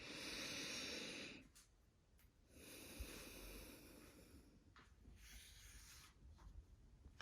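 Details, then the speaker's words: Stethoscope auscultation of the front chest, moving down toward the lower lobes, during deep breaths on command: soft, rushing breaths without crackles or wheeze; normal breath sounds. "Okay, we're going to move down to the lower lobes. Respira profundo. We are listening for any abnormal lung sounds."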